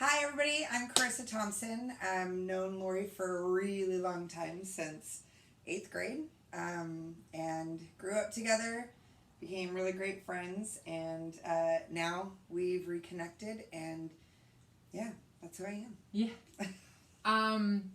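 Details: Adult woman; typical speech.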